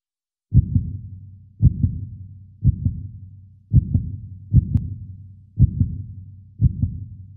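Steady paired lub-dub thumps, low and booming with a lingering tail, at about 60 beats a minute; a normal regular heartbeat.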